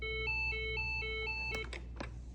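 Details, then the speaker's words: Lifepak CR2 AED demonstration in adult mode, pads applied and rhythm analysed: voice prompts to stand clear and press the flashing button, then a rapid two-note alternating tone and clicks; the shock button prompt tone. "Do not touch patient. Analyzing heart rhythm. Everyone clear. Press flashing button."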